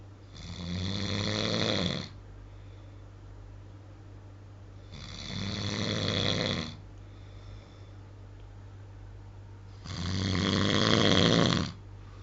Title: Snoring at his best